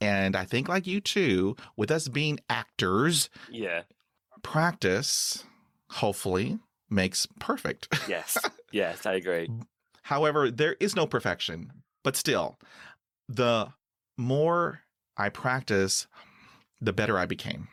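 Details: 49-year-old man who stutters and reports severe blocks with eyes closing and breathing stopping; part-word and whole-word repetitions; stuttering.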